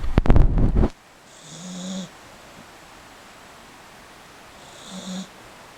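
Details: Snoring from a sleeping person.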